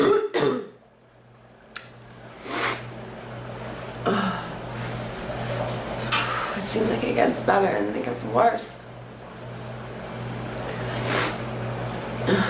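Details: Several scattered coughs and throat-clearing sounds from an adult over steady room hum, soft breathing between; ongoing cough with chest and back pain, cough feeling like it is drying up.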